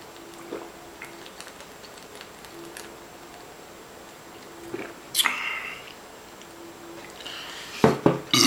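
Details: Person burping during a 40 oz drink challenge: a loud, drawn-out belch, then another burst of belching near the end, with faint swallowing sounds over quiet room noise.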